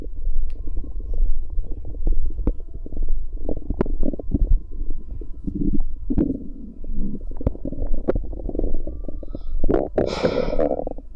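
Low rumbling and gurgling with scattered pops and squelches from the belly; ordinary stomach and bowel noises.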